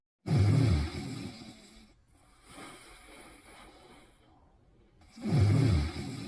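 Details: Cute snoring: two deep, rough, rumbling snores about five seconds apart, with softer breathing between them.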